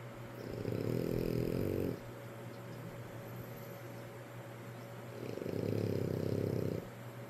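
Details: Snoring while sleeping with Daddy: two long, loud, rumbling inhaled snores separated by a quiet pause.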